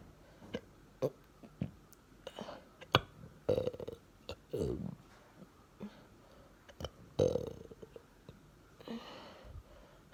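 Repeated short, abrupt gulping sounds at irregular intervals, some with a brief voiced catch; hiccups.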